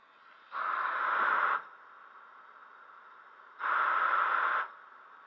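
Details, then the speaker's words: Homemade DIY breath-assist ventilator built from a quadcopter high-RPM motor, Arduino and vehicle MAP sensor, running: two even whooshing air pulses about a second long, three seconds apart, over a steady motor hum. "so here's my version of it which complies with most of requirements listed in that document"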